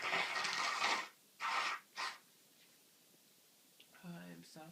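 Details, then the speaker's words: Adult with a cold, uncontrollable repeated sneezing and itchy nose: three sharp, noisy sneezes in close succession, then a short voiced sound. "Achoo. Achoo. Achoo. I am full of cold again."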